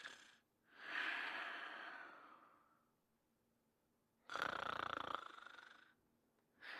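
Long, noisy breaths in and out with a snoring edge, replayed from a cartoon; snoring in sleep.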